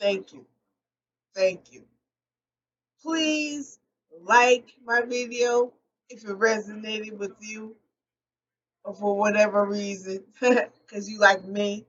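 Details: Post-stroke aphasia in an adult woman, a stroke survivor speaking unscripted and not always correcting her own errors; aphasia.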